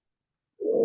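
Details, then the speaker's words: Stethoscope recording on the head of a patient with a dural arteriovenous fistula: after silence, a low whooshing swell, the vascular bruit heard as pulsatile tinnitus. "And so this is a recording hopefully that's coming through okay that I took using a fancy stethoscope that we have in our lab uh placed on a patient's head actually one of these patients with a dural trivous fistal and this is what patients with pul tennis often hear"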